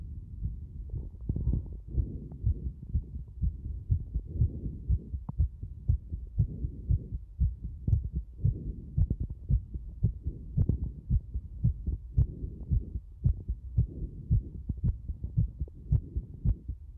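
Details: Rapid heartbeat (tachycardia): a heart sound that becomes extremely fast, with regular, deep thumping at roughly 115 beats a minute.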